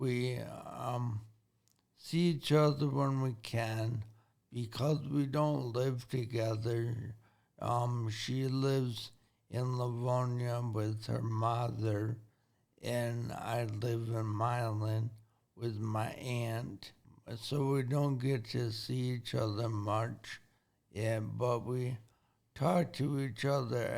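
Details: Slowed speech in an adult man with traumatic brain injury from an accident; he reports needing breaks while talking.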